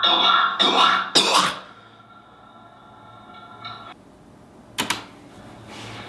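Two or three short harsh coughs at the start, then a quieter stretch with a faint hum and one more brief cough burst near the end.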